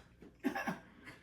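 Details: Adult asked to cough on command produces one brief, deliberate cough, a short double-pulsed burst in a quiet room; voluntary cough.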